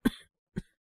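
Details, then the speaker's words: Acted cough by a male voice performer (all acting) portraying a young man with a cold: two short coughs, one drawn out, one sharp; coughing since yesterday, no fever, sore throat, runny nose or breathing difficulty. "なんか昨日から咳が止まんなくて。"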